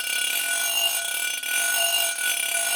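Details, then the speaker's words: Steady, piercing high-pitched whine with slight wavering from a running dental drill, played as a warning example for people with dental anxiety. "you want to have ptsd flashbacks to the sound of a dental drill i can do that for you pretty horrifying"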